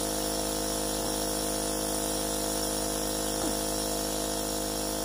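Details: Steady mechanical hum with fast, even buzzing pulse of a running nebulizer compressor, used during flu.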